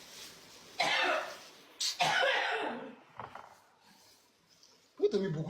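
About four harsh, explosive coughs from an adult, with short quiet gaps between them: a dry, irritated cough.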